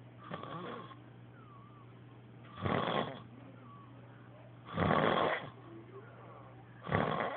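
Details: Adult man heavy snoring during sleep, reported to stop breathing at times; loud, rough snores about every two seconds with steady background hum, no pause heard in this stretch.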